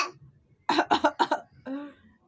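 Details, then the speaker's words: Young child coughing, described as a big, heavy cough. "इतनी बड़ी खांची आ गई देखो मुहा देखो इतनी भारी सी खासी आ रही है मेरे लाल बहुत खाची आ रही है मेरे को"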